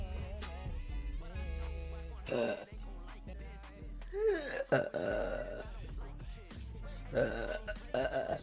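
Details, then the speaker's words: A woman belches repeatedly: several loud, drawn-out, voiced belches over steady background music. "Oh my god. Ooh, boo, boo. Oh my god, I have to burp again."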